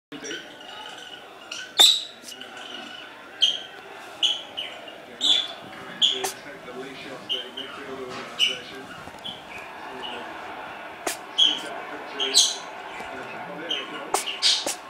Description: Our new kitten having a sneezing fit :)